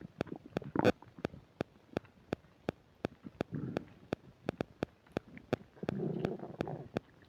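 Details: Person with upset digestion eating a burger and fish fries: loud, rapid clicking pops with gurgling rumbles between, very active bowel sounds (borborygmi).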